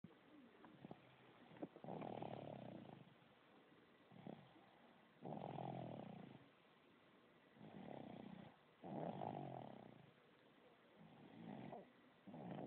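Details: Rhythmic rough snoring breaths with quiet gaps, about five breaths in twelve seconds, roughly 25 a minute; snoring.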